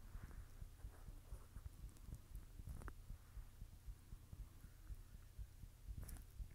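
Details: Normal heartbeat of the recording person, who says they are blushing: soft, fairly fast low thumps at about 118 a minute, with some rustle and hum.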